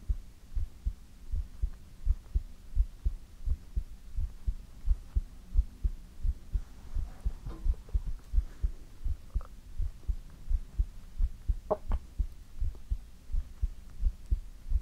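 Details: ASMR heartbeat recording: steady soft thumping heartbeat, about 86 beats a minute, with a faint low hum behind it; normal heartbeat.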